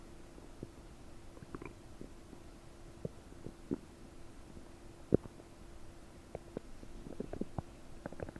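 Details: Scattered gurgles, pops and bubbling squeaks over a steady hum, recorded with a desktop microphone about 9 hours after eating 30 prunes; bubbly, bloated gut with increased bowel sounds (borborygmi).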